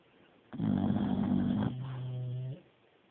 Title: I don't snore